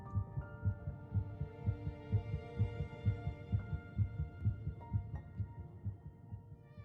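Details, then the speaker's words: Rapid, regular low thumping at about 128 beats per minute with a steady tone and background hum: a fetal heartbeat played in a pro-life presentation, while the narration says a heartbeat is detectable 22 days after fertilization. "at three weeks in one day just 22 days after fertilization heartbeat can be detected"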